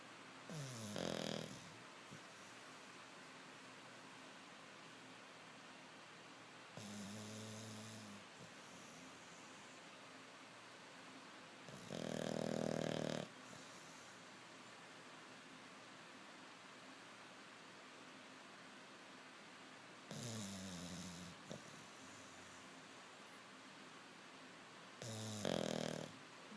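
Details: Sleeping English Bulldog snores loudly, with rough, buzzing breaths about every five to six seconds; snoring.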